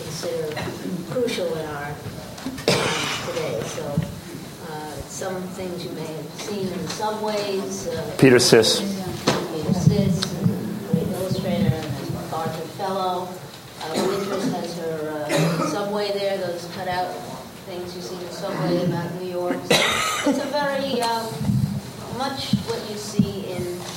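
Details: Adult speaker; typical speech.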